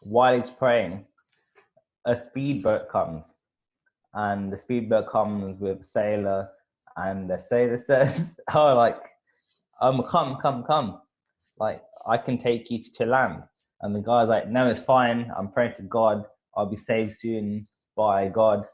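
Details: Adult podcast host who stutters, telling a story; stuttering.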